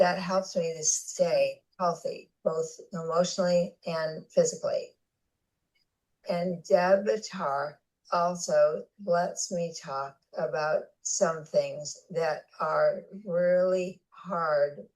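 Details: Adult woman with aphasia after a significant stroke that also caused paralysis, speaking in conversation; aphasia.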